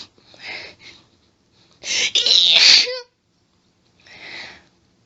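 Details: Woman's allergic sneezing fit: hitching breaths build up into a loud, drawn-out sneeze, followed by another breath.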